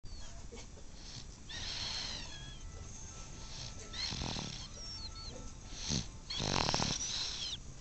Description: think we have a snoring babe